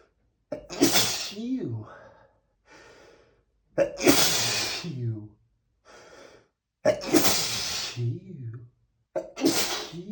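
Four loud voiced sneezes in a row, each followed by a sniff or breath, an ordinary sneezing bout.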